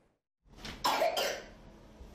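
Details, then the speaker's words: Child giving two quick dry coughs, a persistent, non-resolving cough that follows winter upper respiratory infections, reported with runny nose and nasal congestion during a childhood outbreak; persistent cough. "kuru öksürük oluyor Hiç durmayan yaydan yakındır burun akıntısı var geçmiyor öksürüğü falan var devamlı öksürük"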